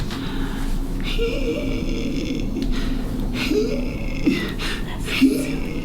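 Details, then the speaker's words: Imitated wheeze, an adult demonstrating the squeaky, drawn-out, prolonged exhale typical of RSV bronchiolitis, contrasted with croup's inspiratory noisy breathing; simulated, not a patient recording. "for for our viewers wheezing is a squeaky exhale so it'll sound like this"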